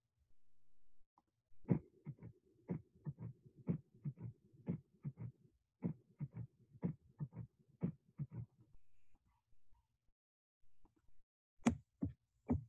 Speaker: A left-sided S3 is a low-pitched sound best heard over the left ventricular apex. A right-sided S3 is usually better heard over the lower left sternal border and becomes louder with inspiration.